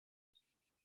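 After a short silence, a brief burst of dense, fine crackling like Velcro being pulled apart: crackles.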